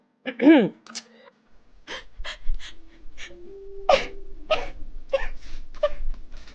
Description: Girls sneezing all over live streams!